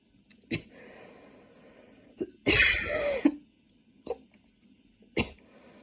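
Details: Coughing fit while studying, starting minor and worsening until intense, patient changing positions (standing, kneeling, sitting with hands on knees) to relieve chest: several harsh coughs with one drawn-out rough bout; prolonged fit.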